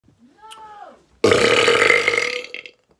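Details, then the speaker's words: Deliberate burping by a person in an office as a comedy skit: one long, loud, rough belch lasting over a second after a short vocal sound. "oh excuse me yeah nevermind it's like i'm not i'm not done burping at all guys i'm doing this all day"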